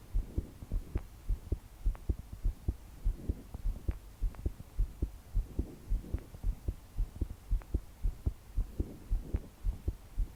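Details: 22-year-old woman trying to calm her heart to sleep, body shaking with each beat; strong, regular thumping heartbeat around 105 a minute with soft breathing and heavy rain in the background: pounding heartbeat.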